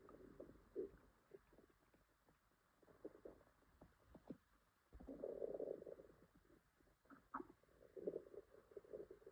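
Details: Woman with an upset stomach (stomachache, diarrhea tagged): low gurgling and bubbling rumbles coming in bursts, stomach growling (borborygmi).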